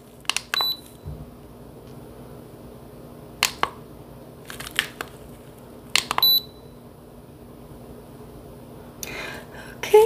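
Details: During a simulated (ASMR role-play) cranial nerve exam vitals check, two short high-pitched electronic thermometer beeps among soft tapping and handling clicks in a quiet room.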